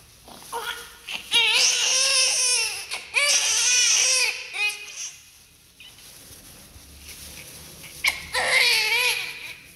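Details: Newborn during umbilical cord cutting, cord clamp placement and cleaning: loud, high-pitched cries in bursts with pauses between; a vigorous normal newborn cry.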